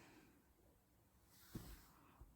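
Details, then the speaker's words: Pet dog snoring in a quiet room while its owner makes a journal: one low, rough snorting breath and a fainter one after it. "The dog snoring. If you can hear some weird noises, it's not my stomach, it's the dog snoring."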